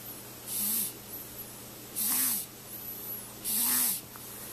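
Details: Snoring of a newborn baby girl in the hospital.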